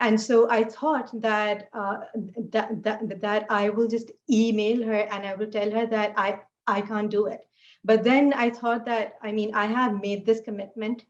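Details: Adult woman who stutters; she says fasting and poor sleep take a toll on her speech; stuttering.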